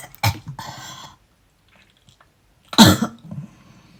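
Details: A person with asthma and a cold who cannot stop coughing while brushing their teeth: two bouts of harsh coughing with a breathy, rasping tail, separated by a short silence; a persistent real cough.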